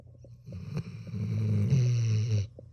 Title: rm video#1 dog snores while keeping one eye open.